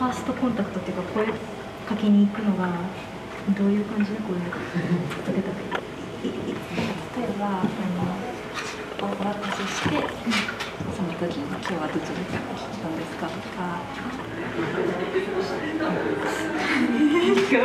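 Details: Female university student who stutters, speaking Japanese, working in a cafe staffed by young people who stutter; stuttering.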